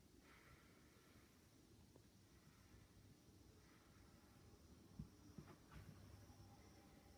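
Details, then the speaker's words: Normal breath sounds at the lung bases on the back during deep breaths: soft, low airflow, no crackles or wheezes, after normal percussion resonance. "so everything sounds really good again no anima tisha sounds wheezes or anything like that that crackling that we should be concerned about"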